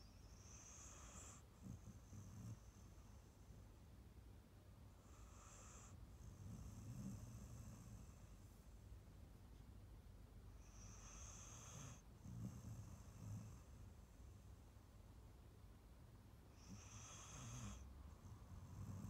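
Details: Adopted Staffy Ridgeback cross rescue female dog, born 2012, asleep on a sofa after a long walk and a big meal: slow, regular snoring cycles with soft rattling on each breath.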